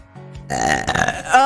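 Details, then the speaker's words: Vtuber's long, low, throaty belch over faint music; burping. "Rate that burp out of 10."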